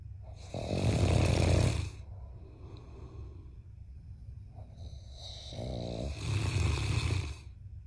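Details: Giant Mastiff puppy and a man asleep, both snoring loudly: two loud, rough snores on the in-breath with quieter fluttering breaths between; typical loud snoring.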